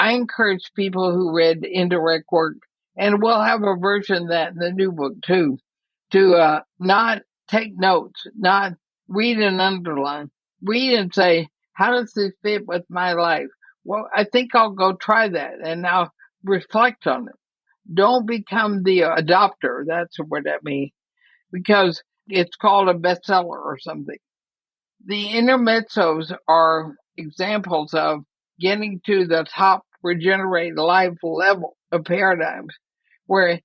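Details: Dysarthria from ALS in a woman near 80, who says her speech is already noticeably impaired but still intelligible.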